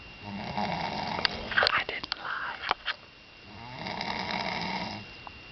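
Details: Snoring: two long, rough, buzzing snores on breathing in, with a brief burst of noise between them.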